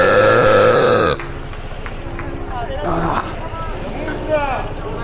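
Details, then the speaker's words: Loud, long, rumbling belch, followed by background talk with other low croaking sounds; burping. "At number four, bro is slowly turning to engine. At number three, bro casually interrupting a speech with a burp load."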